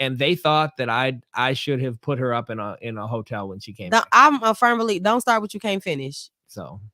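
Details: Adult speaker in casual conversation; normal voice.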